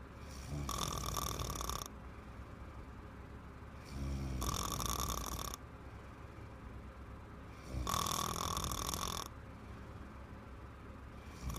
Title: My girlfriend snoring so hard and long!